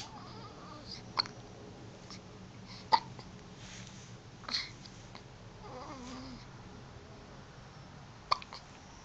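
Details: Four brief, sharp catching sounds every couple of seconds, with faint room noise, from a young daughter; hiccups.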